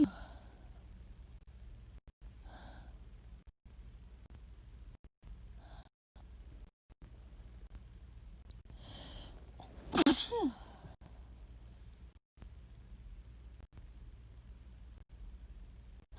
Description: Just a few sneezes :)